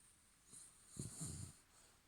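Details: A dog named Toby snoring while asleep at the end of the owner's bed at night: short snorting, wheezy breath noise.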